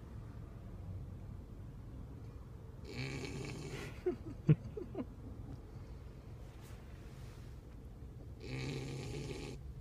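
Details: Whoodle puppy snoring extremely loud while asleep: two rough, rattling snores with a few soft clicks between them.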